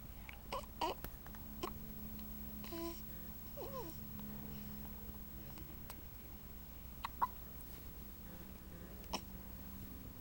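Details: 9-day-old baby's happy hiccups: several brief, sharp little catches spaced through quiet room noise, with a faint infant whimper; newborn hiccups.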